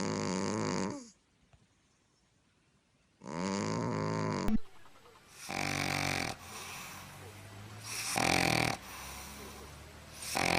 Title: Snoring furry friends